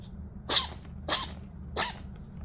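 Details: Cat sneezing: three short, sharp hissing sneezes in quick succession, a few breaths apart; repeated sneezing.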